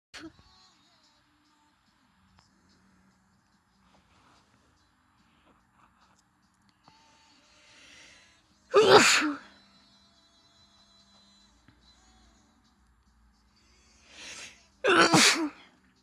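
Two loud, sharp sneezes, each preceded by a short drawn-in breath, in an otherwise quiet room.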